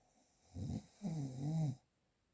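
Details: A single snore in a real recording without post-processing: a brief rattling snort, then a longer droning, vibrating in-breath, then silence; snoring.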